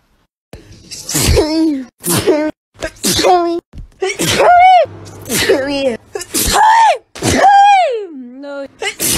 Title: sneeze compilation